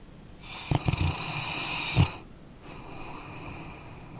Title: Dog Snoring Sound Effect